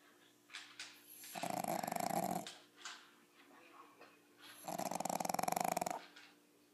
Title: Pug snoring